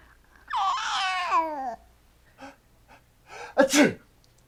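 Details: Infant during tummy time, with cough, sneeze and laugh around it: a drawn-out vocal sound, a few soft breaths, then a sharp small sneeze; ordinary infant sneeze.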